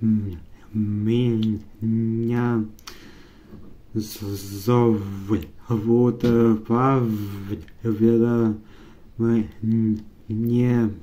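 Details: Male Russian-speaking student recorded before therapy, with strong blocks, spasms and marked nervousness about his speech; stuttering.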